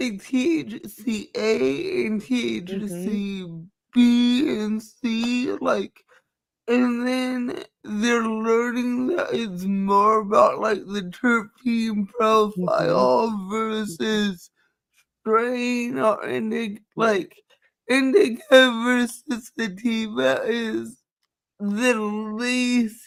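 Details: Dysarthria in a woman with cerebral palsy, who says nothing can be done about her speech; dysarthria (cerebral palsy).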